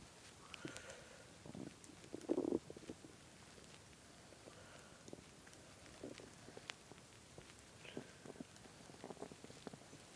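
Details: Adult man's stomach, hungry while playing a game, with the listener lying on his belly: intermittent low gurgling and rumbling bowel sounds of ordinary hunger growling.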